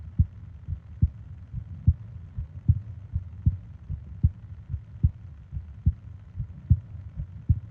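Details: Steady, low lub-dub heartbeat at about 72 beats a minute in a regular rhythm with a faint low hum, from a 20-minute ASMR heartbeat and breathing sleep recording; a normal heartbeat.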